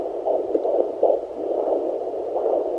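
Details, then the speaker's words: Fetal heartbeat at 17 weeks 5 days of pregnancy on a Sonoline B home Doppler, about 144–150s beats per minute: rhythmic whooshing pulses with steady hiss, alongside the mother's slower heartbeat. "that slower heart right there is mama that faster one is baby pretty cool huh"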